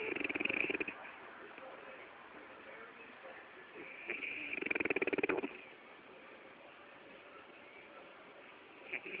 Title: Dark Knight... OK snoring frenchie